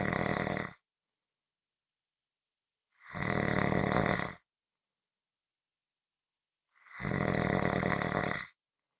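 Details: Loud, rough snores on each in-breath, about one every four seconds, with silent pauses between; snoring.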